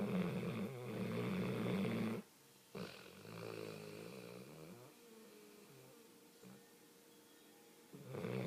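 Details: Low rumbling snore on the in-breath, followed by a softer whistling breath out: plain snoring.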